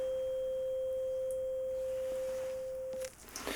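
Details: In a roleplay hearing exam, a pure, steady tuning-fork hum of about 512 Hz sounds for nearly three seconds, then stops with a soft clatter; tuning fork tone, air-conduction step of a Rinne test.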